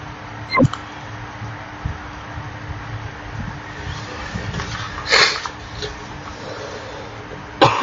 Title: sorry for the coughs